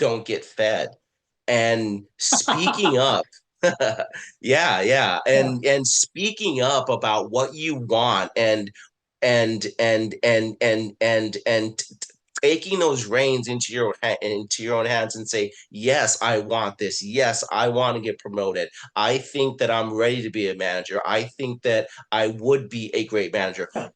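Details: Adult man, a person who stutters, with repeated words and phrases; stuttering.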